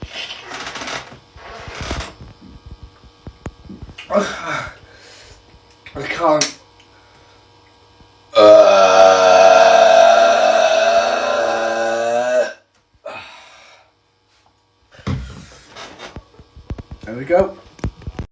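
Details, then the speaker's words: Deliberate burp after drinking a whole bottle of water: bursts of breathing and effort, then one long, loud, rumbling belch lasting about four seconds; burping. "So to start it off, this video is just going to be me drinking a whole bottle of water and burping."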